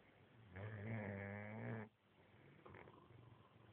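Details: One loud, rattling snore lasting just over a second, then quiet breathing with a faint, softer follow-on sound; ordinary snoring.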